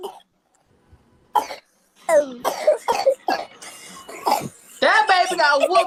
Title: Terri Joe Vs baby with whopping cough